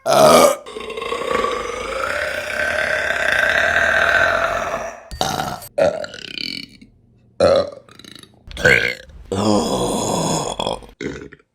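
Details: A long, loud, drawn-out belch followed by several shorter belches, from a burping compilation; repeated burping.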